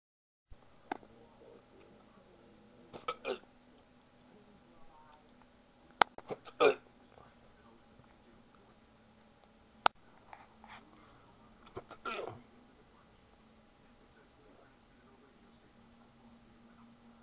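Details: Several sudden short gulping hiccups at irregular intervals over quiet room noise, from a person who has had persistent hiccups for two days in a row.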